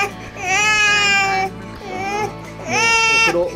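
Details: Infant born at low birth weight, 8 months 18 days old (day 262), woken after falling asleep from breastfeeding and very grumpy, gives loud high-pitched wailing cries in two long bursts with a short whimper between, over faint music.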